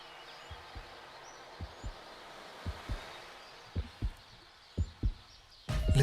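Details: Paired low thumps in a steady lub-dub pattern, about 50 a minute, ending in a louder burst of noise, in a Hindi comedy film scene where a listener is told to close their eyes; heartbeat.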